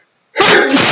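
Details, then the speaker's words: Adult male in an allergic sneezing fit set off by his chinchillas' dust baths, with eyes tearing and nose burning: a single loud, explosive sneeze after a moment of silence. "i intended to talk throughout the whole thing no matter what but um but i'm just sort of overcome with sneezes at the moment"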